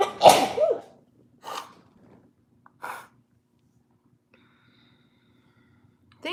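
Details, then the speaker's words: Adult sneeze: one loud, voiced sneeze followed by two brief, softer breathy bursts in a quiet room. "you're the loudest sneezer I youed used to be why do you sneeze loud"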